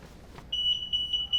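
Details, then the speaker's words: Steady high-pitched electronic tone with brief dips after a faint rustle: hospital bed exit alarm placing a nurse call as a fall-risk patient leaves the bed unaccompanied, in a Voalte patient safety demonstration. "upon exiting the bed the alarm will activate placing a call upon entrance into the room with my staff locating device it will automatically suppress all alarms in the room so that i can focus on my patient"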